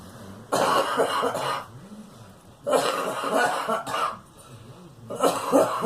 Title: Girl coughing